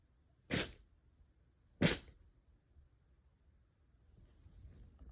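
Two sharp, explosive bursts of air about a second apart, typical of sneezes, against quiet background.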